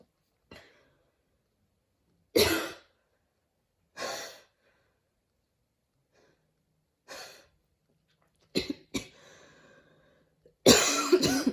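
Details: Scattered coughs and sharp breaths ending in a strong coughing burst with a faint whistling edge; very wheezy cough after running in allergy season, with dizziness and near-fainting; wheezy cough.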